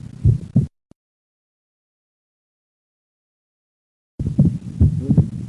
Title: Split 2nd Heart sound with Rt Bundle Branch Block